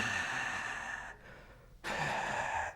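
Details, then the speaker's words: Imitated wheeze: two whistly, noisy breaths with a faint high musical tone, separated by a short pause; wheeze comes from the chest and is musical with multiple small notes. "So I'm trying to do a wheeze, actually. So where's wheeze coming from? The chest."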